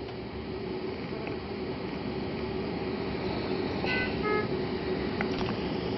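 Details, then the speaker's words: Puritan Bennett 980 ventilator, simulated alarm: brief two-tone beeps over steady machine noise, the low-priority alarm, which escalates to a three-tone sound if it continues; ventilator low-priority alarm. "the first to tone sound is the lower priority alarm sound if that alarm continues it will escalate to a three tone sound"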